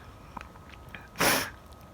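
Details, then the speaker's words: A person in a sneezing fit, unable to stop sneezing while trying to talk: a few faint sniffs, then one short, sharp sneeze. "i'm still sneezing i'm trying to talk and stop sleeping i can't stop sneezing"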